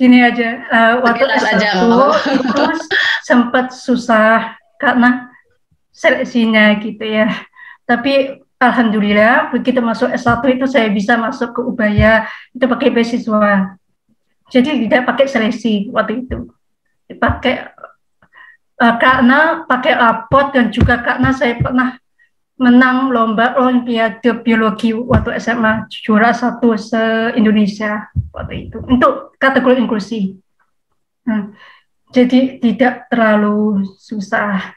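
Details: Woman, 27, with profound hearing loss (100 dB left, 110 dB right), cochlear implant user since age 3, trained through auditory-verbal therapy; speech of a cochlear implant user with profound hearing loss.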